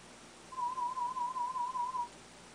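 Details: Single mid-pitched warbling audiometry test tone about 1.5 seconds in a quiet room; third hearing test with a cochlear implant at an ear unit, hearing level reaching the speech banana.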